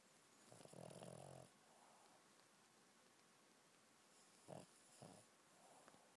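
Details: Chubby Shih Tzu dog snoring oddly: quiet, rattling snore on a breath in, followed by soft snuffling puffs against low room hiss; snoring.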